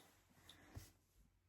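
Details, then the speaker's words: Small dog snoring while asleep: a single faint, low snorting rumble in a quiet room. "You might think I've got a piglick in the background. He's asleep at the moment and snoring loudly. So, if you can hear that, it's the dog, not Martin."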